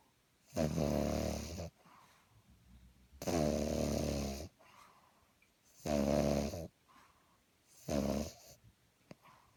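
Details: Pug dog snoring nightly, louder than an adult: four loud, rattling, buzzing snores with quiet breaths between, about 23 a minute; heavy snoring.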